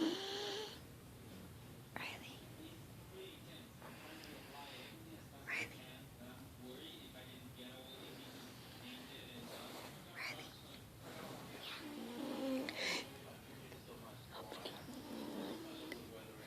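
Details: Five-year-old female, apparently a cat, who snores like this every night: soft, uneven rasping breaths with a fluttering snore-like quality in a quiet room, faint murmured voices.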